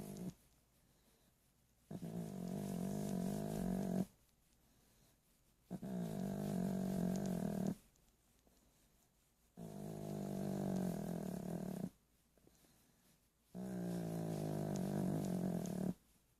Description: Dog snoring as he sleeps.